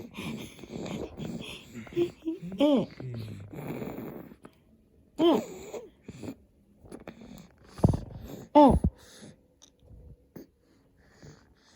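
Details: 2-month-old Japanese baby boy with hiccups: sudden short voiced catches recur irregularly, roughly 18 a minute, between soft fussing and babbling.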